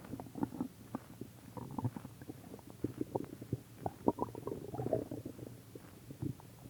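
Continuous gurgling, bubbling and popping stomach growls, ordinary bowel sounds of digestion.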